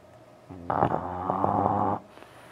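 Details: French Bulldog sleeping late at night, snoring; a single low, rumbling snore with a rattling tone.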